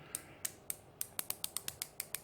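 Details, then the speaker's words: Ozempic (semaglutide) pen injector dose dial: about a dozen crisp, light clicks in quick succession as the head is turned to set the 0.25 mg dose. "now if those is 0.25 so you need to turn turn around this head"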